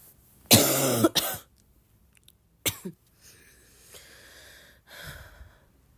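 Several harsh coughs in two clusters, each followed by breathy inhalation: repeated coughing.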